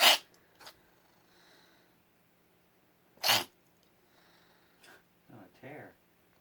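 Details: Repeated sneezing in a cat recorded 9/9/2017: two sharp, explosive sneezes about three seconds apart, followed by softer snuffles and a brief voiced sound.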